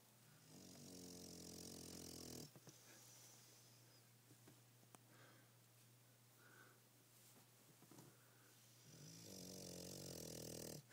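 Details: Bulldog snoring hard in sleep: rasping, rattling snores with a quieter stretch between two loud breaths and a steady low hum behind.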